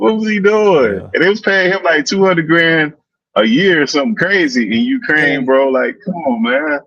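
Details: Adult man; no speech disorder.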